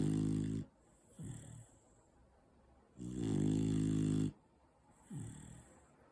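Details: Four-month-old Beagle Bull puppy snoring loudly in sleep like a grown man: loud rumbling snores, long noisy in-breaths alternating with softer out-breaths, about 20 breaths a minute.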